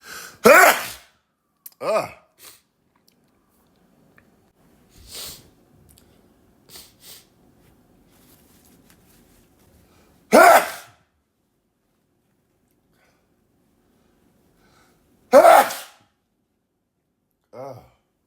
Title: New Sneezes